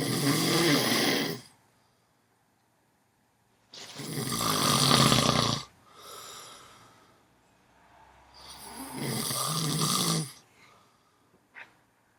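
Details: Man asleep snoring loudly: rattling snores on each breath in, about four in twelve seconds, with quiet breath-out gaps between; ordinary heavy snoring.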